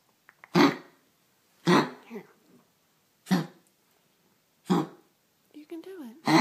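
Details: Five harsh, separate coughs about a second apart, with a brief whine before the last, from a dog with a throat complaint; repeated coughing.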